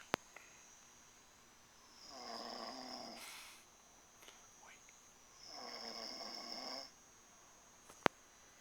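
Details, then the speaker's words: A man caught snoring while asleep at night, filmed as others try to wake him: two long, rattling snores on inhalation, a few seconds apart, in a quiet room. "listen to this who's this who is this snoring right now I'm taping a video right now"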